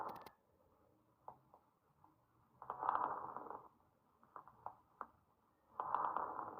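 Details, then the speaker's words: Lung auscultation example of fine crackles: two breath sounds about three seconds apart with brief popping clicks, like small bubbles bursting, attributed to lung pathology. "una de las características de lo que es el de la auscultación de burbuja fina es que es como un conjunto de sonidos explosivo como pequeñas burbujas que están explosionando"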